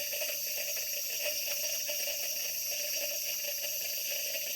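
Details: Small volume nebulizer with mask delivering 2.5 mg albuterol in 3 ml normal saline, oxygen flow 6–8 L/min, during a breathing-treatment procedure demonstration: steady high-pitched gas hiss with faint bubbling aerosol; running normally.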